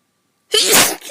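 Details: High-pitched sneeze from a person feeling run down and unwell, with hoarse voice; a single sudden sneeze with a hissing burst of air.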